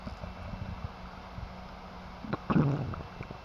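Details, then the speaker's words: Normal bowel sounds heard by stethoscope auscultation of the abdomen during a health assessment: soft intermittent high-pitched gurgles, with a louder gurgle near the end, normally occurring 5 to 30 times per minute. "Note the character and frequency of bowel sounds, which typically are high-pitched, gurgling, cascading sounds that occur intermittently 5 to 30 times per minute."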